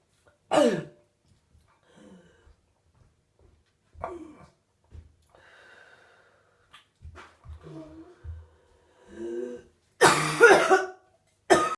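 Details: 32-year-old woman in week 5 of whooping cough (pertussis): scattered harsh coughs and noisy, strained breaths late in the illness.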